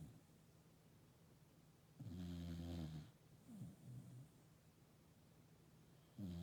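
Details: A sleeping sheep snoring: loud, low rattling snores on slow breaths with quieter snorts in between, in a quiet room.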